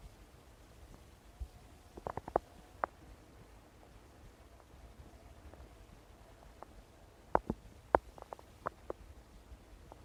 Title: stomach rumbling